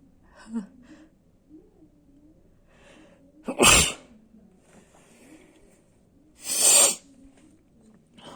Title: Sneezing attack